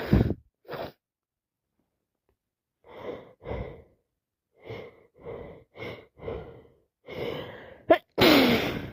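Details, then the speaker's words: Person sick with a worsening head cold, congested, with runny, itchy nose and streaming eyes: breathy build-up gasps followed by a sudden forceful wet sneeze. "And I sneeze. And I sneeze. I I need I need to sneeze. So much more. I'm just going to sneeze all over."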